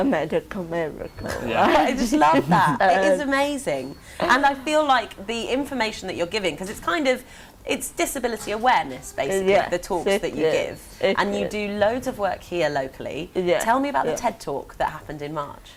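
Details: Adult woman, interviewer; typical speech.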